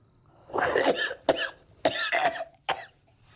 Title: coughing (season1-2)